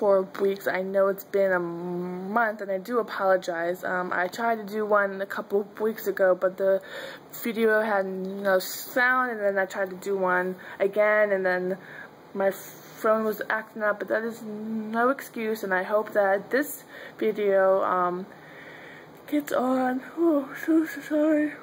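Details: Adult woman who stutters, with her stutter at times severe; stuttering.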